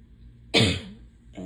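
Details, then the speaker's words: A single short, harsh cough close to throat clearing, from a person with a suspected pollen allergy who is stuffed up, itchy, sneezing a lot and losing their voice. "but yeah so um I'm just like stuffed up and itchy and Sneezy and coughing"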